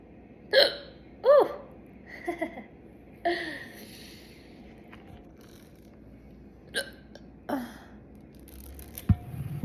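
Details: Woman with hiccups after chugging soda: sharp, abrupt hiccups at uneven intervals, about seven in ten seconds, with quiet breathing between them.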